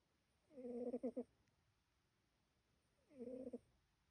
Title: MY SNORING KITTY - she’s so cute! ❤️ #funnycats #snoringkitty #catvideos #cutecats